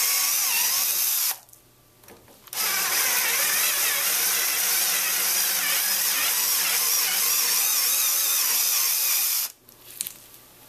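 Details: Broken and stripped screw extraction set, whose conical tips drill new threads into a stripped screw head to remove it from bone: high-pitched steady whirring of a power drill for several seconds, with brief pauses.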